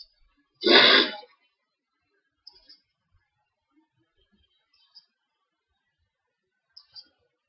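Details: Loud hay fever sneeze, with attacks on sunny days: one loud explosive sneeze, then quiet sniffs and small sounds.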